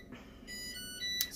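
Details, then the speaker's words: Beeping of a blood pressure cuff pump during a home reading: high, steady electronic tones in a quiet room. "the blood with the blood pressure cuff whoa speaking of being low excuse the pump beeping"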